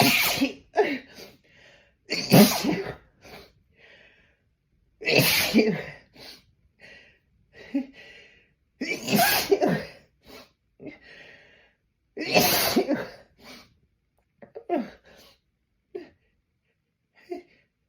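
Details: Four forceful explosive sneezes about every three seconds after attempts to hold back sneezes by pinching the nose, each followed by quieter breathing and snuffling; repeated sneezing.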